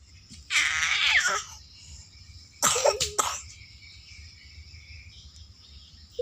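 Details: Child with a cough, still lively at bedtime: two bursts of harsh, wet-sounding coughing, the second a quick run of several coughs; background room noise.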